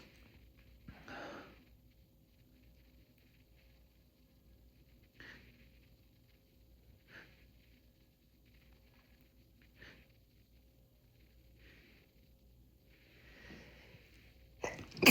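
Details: An adult male gives brief, quiet nasal bursts and sniffs in a small room, ending with a sharper, louder sneeze.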